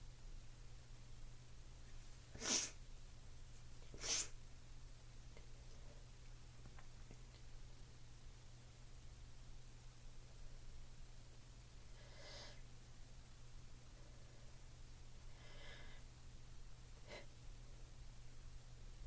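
Two forceful sneezes a couple of seconds apart, then quieter sniffs and breaths over a steady low hum.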